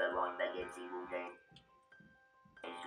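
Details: Electrolarynx speech by a laryngectomized patient who uses a voice prosthesis, with the electrolarynx as a backup; a sentence is said first in a monotone, then with intonation.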